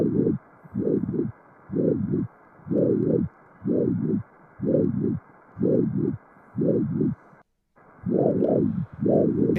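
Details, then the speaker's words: Doppler ultrasound of a suprahepatic (hepatic) vein: rhythmic whooshing, about 62 a minute, double-peaked pulses transmitting atrial movements; pulsatile hepatic venous signal. "fíjense este flujo Cómo transmite los movimientos auriculares es una subhepático el corazón está ahí el diafragma y el hígado"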